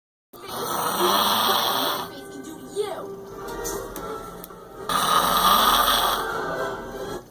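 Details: Heavy snoring from a sleeping adult friend: loud, harsh, rattling snores with quieter stretches between them, with music or TV playing in the background.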